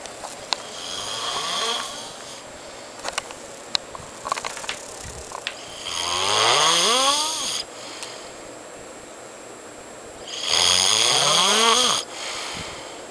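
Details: Friend asleep, filmed: loud, harsh rattling snores on inhalation, two long snores about four seconds apart, quiet room noise and faint clicks between; heavy snoring.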